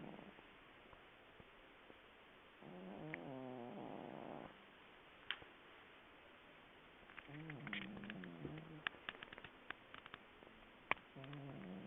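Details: A sleeping cat snoring: soft, rhythmic, rattling breaths in and out, with scattered clicks in the background.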